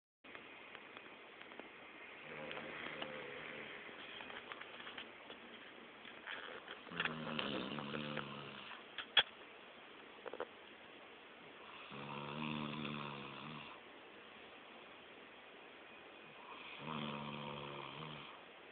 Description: Over at a friend's and he passes out snoring like a chainsaw.